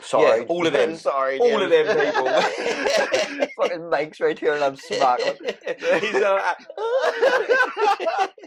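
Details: Man with Tourette syndrome whose tics flare during everyday tasks; an apparent swearing vocal tic interrupts his speech. Tourette syndrome (vocal tics).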